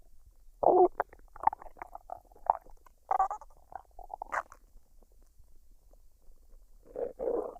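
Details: Woman's belly after a meal of fried rice and duck, recorded unedited with no added sounds: irregular gurgles, squeaks and rumbles; normal bowel sounds of digestion.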